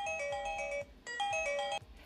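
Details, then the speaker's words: Loud repeating electronic melody of chiming tones from the Baby O2 S2 baby oxygen monitor's base station, the alert it sounds when the baby's heart rate or oxygen goes beyond the set limits. "you can get direct alert for the set range from the device to this base station and you can even control the volume and trust me it's quite loud and it will wake you up"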